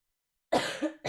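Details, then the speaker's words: Streamer, 24, who says they cough a lot and can't sing because of coughing after a concert yesterday: a single short, harsh cough after silence, with the start of another at the end. "thank you thank you i can't sing because i cough that's why i shouldn't have been to the concert yesterday"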